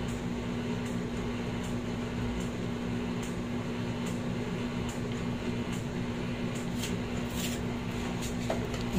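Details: Wisemom Pocket electric breast pump in massage mode, level 4, during a live suction demonstration: steady motor hum with soft rhythmic clicks about every 0.8 seconds as the pump cycles.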